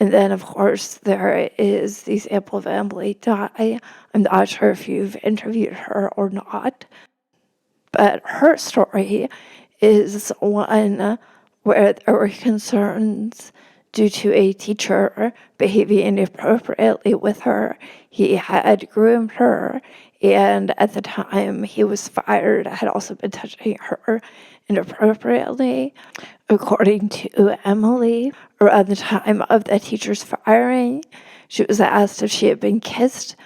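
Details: Real spasmodic dysphonia in a woman, a reporter, speaking as an interview guest; finding: spasmodic dysphonia.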